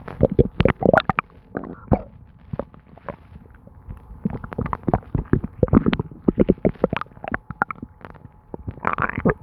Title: My stomach gurgling and bubbling [Constant stomach noises]